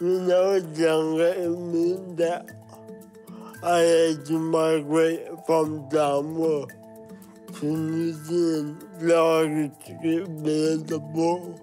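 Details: Dysarthria in a 23-year-old Samoan man with cerebral palsy, which he says means parts of his brain don't work well: dysarthria (cerebral palsy).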